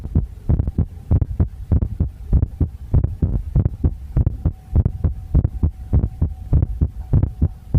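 Loud, low, thudding beats at roughly 98 a minute, fairly regular, with a steady hum in the background.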